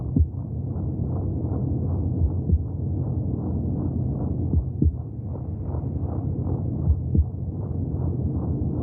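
Quick, regular swishing pulses under a muffled rumble, with occasional deeper thumps; womb heartbeat sounds.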